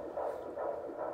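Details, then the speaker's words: Fetal heartbeat on a handheld Doppler used by the doctor during a prenatal visit in the mother's fourth pregnancy: rapid, regular whooshing pulses, about 140 a minute, judged good. "well the doctor did the Doppler Kai held the little machine so he was really psyched about that"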